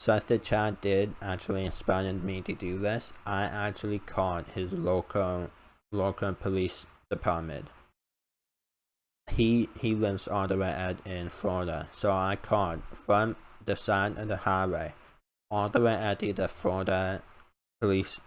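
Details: Male with a self-reported uncontrollable speech impediment, improved after about 10 years of speech therapy; formerly used an iPad talking device, not used for almost three years; speech impediment.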